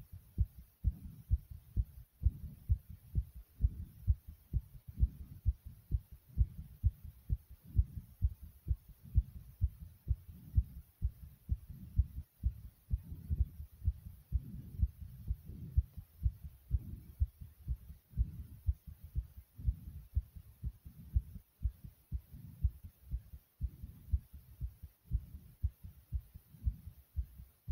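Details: Adult's heartbeat after 35 jumping jacks: strong, quick, steady low thumps; fast heartbeat after exercise.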